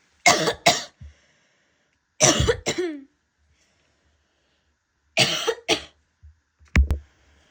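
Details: Female barking cough: several harsh, abrupt paired coughs with a hoarse, barky quality.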